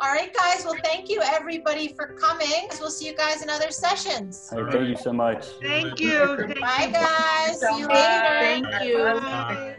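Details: Adult speaker; Normal speech.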